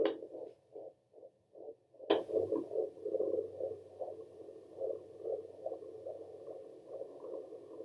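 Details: Doppler fetal heartbeat of a baby girl at 23 weeks of pregnancy: rapid, regular whooshing pulses at about 154 beats a minute, normal.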